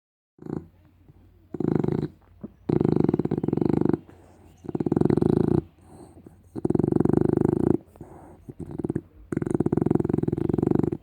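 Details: Pug and Shar Pei cross dog sleeping: loud, rattling snores on both in- and out-breaths, close together, typical of a short-nosed dog.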